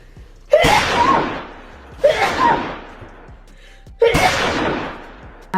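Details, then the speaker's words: An adult sneezing: three loud, explosive sneezes about two seconds apart, each fading with a noisy tail. "with me sneezing apparently. Oh, um sneeze. Ow. I hate that. I hate sneezing."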